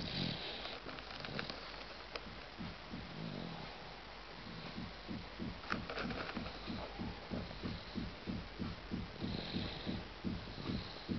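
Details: 8-month-old sleeping baby snoring: rapid, low, fluttering snore on breathing in, with some room noise.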